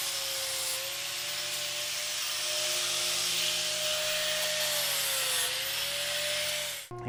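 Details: Power grinder freshening hoof edges of a bull's swollen, possibly infected foot (suspected abscess, possible joint infection) before fitting a hoof block; steady high whine and gritty rasping of hoof horn with faint hum.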